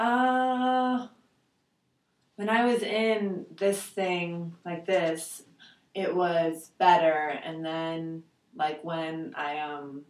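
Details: 72-year-old man with aphasia after a stroke in July 2003, with bilateral sensorineural hearing loss, doing the Western Aphasia Battery Revised picture description; aphasia with word-finding difficulty.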